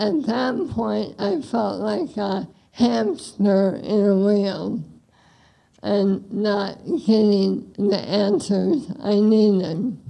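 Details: Woman with bulbar-onset ALS beginning spring 2024 with hoarseness, later slurred words and tongue weakness, diagnosed December 2025, slow speaking pace; dysarthria (bulbar ALS).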